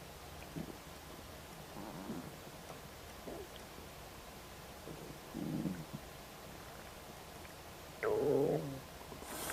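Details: Repeated gurgling, squelching stomach rumbles with rising and falling pitch in a quiet room, heard just after eating a snack of ribs. Finding: borborygmi (stomach rumbling).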